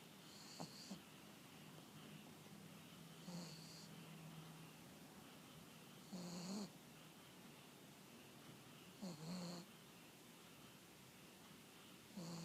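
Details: A pet dog that barked until exhausted while its owner was out, then fell asleep on her return: soft, brief snorting snores about 21 a minute over steady room hiss; light snoring.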